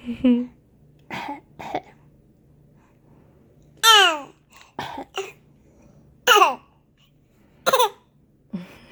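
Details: A 20-week-old infant fake coughing: short, deliberate cough-like bursts mixed with squeaky voiced sounds; a playful, voluntary fake cough.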